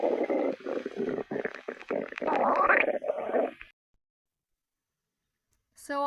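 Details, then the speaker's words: Low gurgling, rumbling stomach growls for a few seconds, then quiet; hunger stomach growling (borborygmi). "Wait, is that your tummy I hear? Yes, it is."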